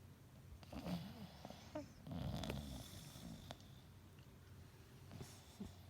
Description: taking a nice nap.